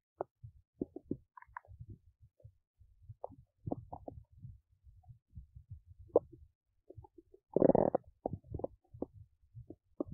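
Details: Belly noises recorded while digesting oats: irregular gurgles, pops and short rumbles, ordinary bowel sounds.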